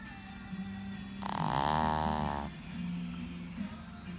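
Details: Dog napping in the afternoon on a full belly after eating: a single loud, buzzing snore on one breath over a soft background tune.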